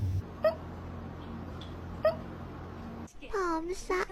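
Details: A cat hiccuping, apparently after eating its food: two brief, sharp, squeaky hiccups about 1.6 seconds apart in a quiet room, followed by meows.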